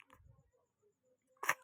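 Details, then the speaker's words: Newborn baby girl kicking and playing while lying down, then one brief, sharp, soft sneeze in a quiet room; a normal newborn sneeze. "ওস্তাদ ওরে বাবারে হাচি হচ্ছে হাচি হচ্ছে হাচি হচ্ছে তোমার সোনা মা সোনা মা"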